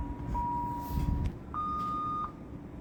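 Two steady electronic tones, the second one higher, over low room hum; intensive care equipment alarms.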